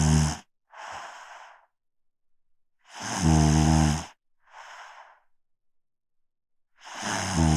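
Loud, rattling snores on each in-breath, alternating with softer breathy out-breaths, about 16 breaths a minute: snoring.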